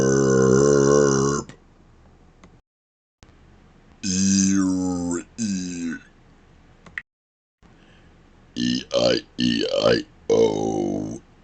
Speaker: Putting sounds into burps.